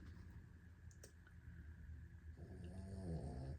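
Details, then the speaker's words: Resting pet snoring, low and rumbling, faint at first then louder and buzzier toward the end, over quiet room noise. "Sorry if you can hear Lady snoring."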